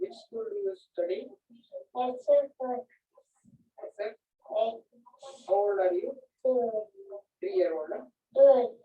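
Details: Cerebellar dysarthria (scanning speech) from neocerebellar damage: slurred, indistinct, prolonged, explosive speech with misplaced pauses.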